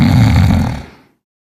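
A single loud, low, rattling snore lasting about a second, then fading out.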